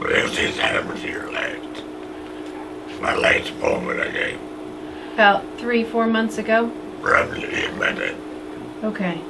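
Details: Adult male after laryngectomy speaks with a TEP voice prosthesis and has increasing voicing difficulty, attributed to granulation tissue and a distorted tract with the prosthesis abutting the esophageal wall; history of tracheitis; tracheoesophageal voice prosthesis speech.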